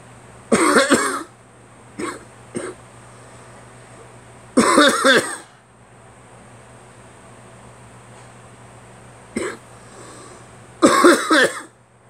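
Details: Several harsh, wet cough bursts with throat clearing between, bringing up phlegm; the cougher blames changing, freezing weather and catching a cold: productive wet cough.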